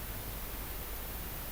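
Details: Simulated tinnitus noise type, an example from software built with patients to match their tinnitus sounds.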